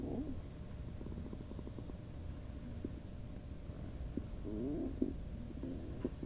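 Low gurgling and bubbling rumbles from the belly, typical bowel sounds of gas and fluid moving.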